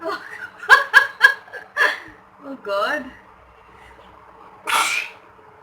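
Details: Solo sneezing challenge with sneezing powder (chiikni powder): a few quick voiced bursts, then one sharp noisy sneeze near the end, with laughter-like sounds between; induced sneezing; afterwards tears are reported rolling.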